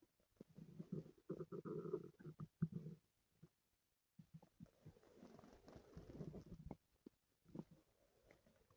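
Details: Stomach noises from a person whose stomach hurt the previous night: soft low gurgles and rumbling growls in bursts with brief quiet gaps; active bowel sounds (borborygmi).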